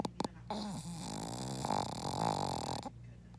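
A long, rumbling, buzzy breath sound from a sleeping dog, with fluttering vibration; snoring.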